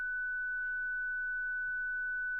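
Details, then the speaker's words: ZOLL Zenix defibrillator charging before manual defibrillation with internal paddles, training demonstration: steady high-pitched charge tone with faint speech underneath. "Pour défibriller avec les palettes internes, l'intervenant 1 choisit le niveau d'énergie souhaité à l'aide de la touche sélection d'énergie puis appuie sur le bouton charge."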